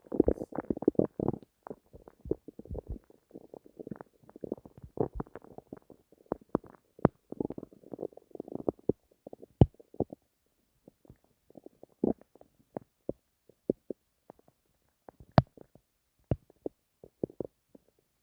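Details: Bowel sounds at night: irregular gurgling and popping, busy at first and then sparser clicks and gurgles in a quiet room, ordinary stomach rumbling recorded while trying to sleep.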